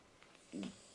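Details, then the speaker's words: Cat snoring nearby: one soft, low snorting breath against quiet room noise. Brief, harmless snore. "can he can you hear my cat snoring over there I wondered what the noise was and he's actually in the morning that's funny"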